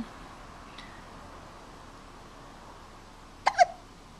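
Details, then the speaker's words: About one-month-old (four-week-old) infant boy hiccuping in a vibrating baby chair: a quiet room, then one sharp, quick hiccup with a small catch of breath. "how are you doing just hanging out in his little vibrating chair hiccuping away"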